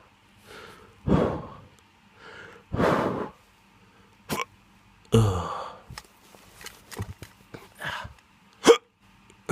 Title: Drunk hiccups